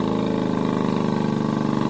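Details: Impact 326M portable surgical suction pump aspirator, with an interval mode of about 10 seconds suction and 10 seconds rest: steady motor drone with a fast, regular pulsing hum while running normally.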